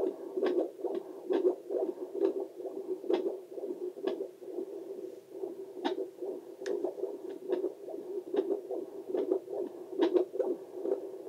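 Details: Own heartbeat picked up with a Doppler probe: rhythmic whooshing pulses with sharp clicks at about 68 a minute, a steady normal heartbeat.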